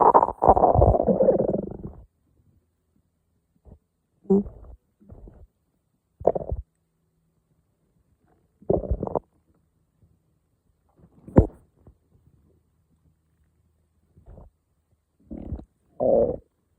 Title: Morning stomach growls 2